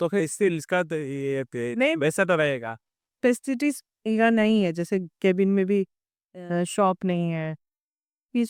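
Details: Adult speaker; ordinary speech.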